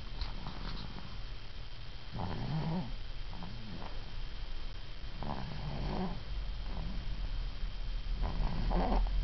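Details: Sleeping snorer snoring on both in-breath and out-breath, about four breaths in nine seconds, with soft rattling snorts; harmless snoring.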